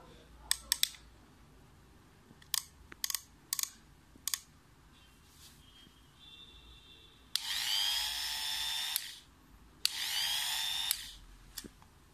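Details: Orthopedic cast saw (cast cutter/plaster saw, new unit) switched on and off: scattered clicks, then two roughly one-second bursts of high, buzzing motor whine.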